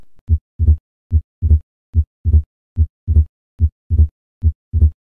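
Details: Regular heartbeat at about 72 a minute with a loud, split second sound over the pulmonary area, where P2 is heard; the accentuated pulmonary component of S2, as in pulmonary hypertension.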